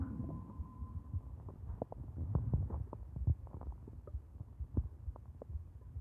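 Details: Irregular low rumbling with gurgling pops and bubbling from the gut, typical stomach growling (borborygmi), a normal digestive sound.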